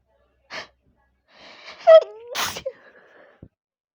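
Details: Sudden sneeze attack: a quick breath in with a rising voiced build-up, then one forceful sneeze and a short voiced sound after; loud TV in background, recorded with headphone microphone.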